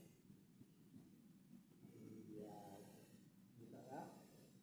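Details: Patient with snoring and gurgling respirations: noisy, rough breaths with wet gurgling on each breath, suggesting partial upper airway obstruction with secretions in the throat.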